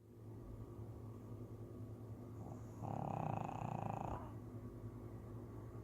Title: Yoshi the pug snoring.